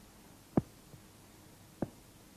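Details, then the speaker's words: Slow heart sounds at the base of the heart: loud dull second sounds with a much fainter first sound, second sound normally louder than first at the base; normal heart sounds. "в норме у основания сердца второй тон громче 1 2 диастолический тон возникает в результате захлопывания и колебаний полулунных клапанов аорты и легочной артерии"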